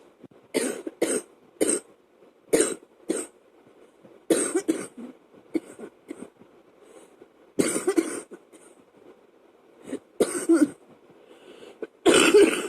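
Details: Adult with a chest cold coughing at night, woken from sleep by a choking coughing fit: about ten harsh coughs in repeated clusters over a steady fan hum.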